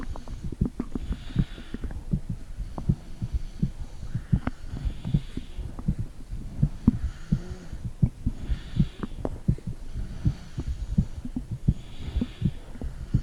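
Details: Heartbeat recorded with a phone, its microphone on the stomach: soft, rapid, low thumps with faint gurgling and a steady background hum.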